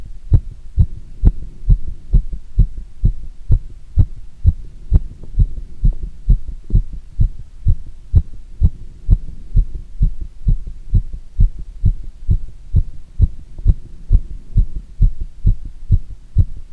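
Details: Heart sounds recorded during squats: quick, regular heart sounds with steady low thumps and a faint background hum. Heart sounds during exercise.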